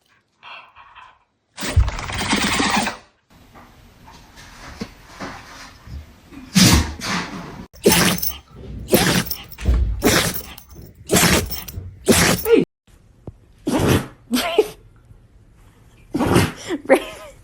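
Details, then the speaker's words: A dog's run of about eight sharp, explosive sneezes in quick succession with short pauses, amid laughter; repeated sneezing. "Willow, you got to sneeze?"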